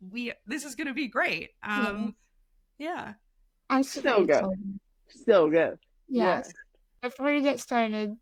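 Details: Adult woman speaking; typical speech.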